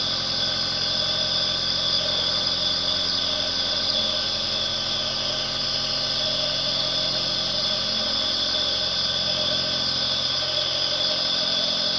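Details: Nebulizer compressor running.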